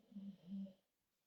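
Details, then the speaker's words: Low, buzzing snore in two short pulses from Jada, a bully-breed dog resting in the room, then silence. "So like with right now with Jada, she's in here. If you hear snoring, that's her over there snoring."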